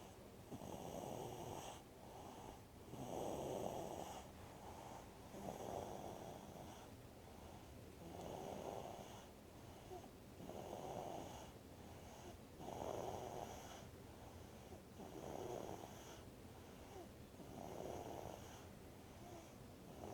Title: Little snores